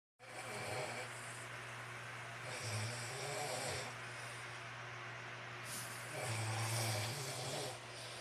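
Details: Snoring comparison between a father (the louder snorer) and a female pet (the later part): loud, rough, low rumbling breaths with a steady drone, rising and falling in long cycles, with background hum; snoring.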